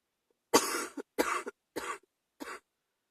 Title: # 88 chest cold evening cough